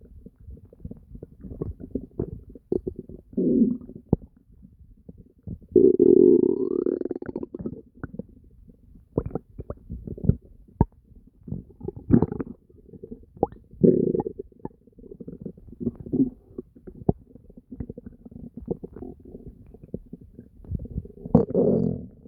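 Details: Ordinary active bowel sounds (borborygmi): frequent, constant gurgling and deep growling stomach noises.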